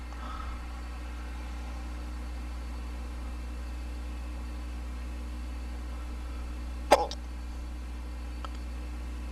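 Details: Male hiccup: one abrupt, short hiccup over a steady low electrical hum.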